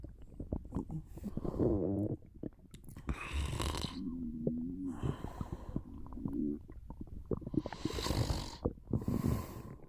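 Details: Gurgling, rumbling stomach sounds with crackly bubbling and short tonal squeaks, mixed with snoring-like breaths during a short nap; borborygmi.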